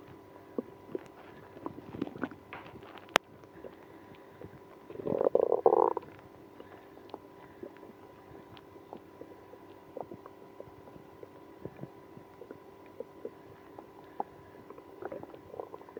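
A short bubbling gurgle of stomach growling, with faint crackly clicks in a quiet room.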